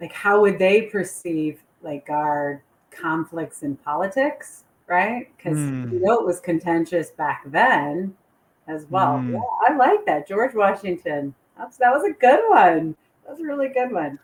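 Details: Adult woman speaking; normal speech.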